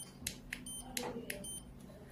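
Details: Short, sharp electronic beeps repeating about every quarter to half second over quiet room noise, from a SY-Fill cordless gutta-percha endodontic obturation pen signalling its settings.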